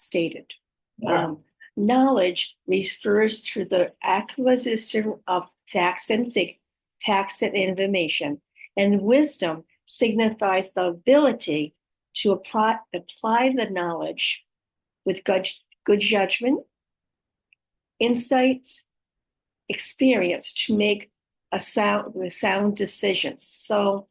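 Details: Adult female with aphasia, apraxia of speech and dysarthria following a stroke, whose speech can be hard to understand; she struggles to retrieve a word just before this; aphasia with apraxia of speech and dysarthria.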